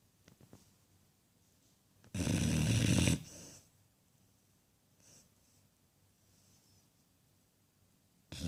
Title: sleepy snoring cane corso 😆 شخير كاني كورسو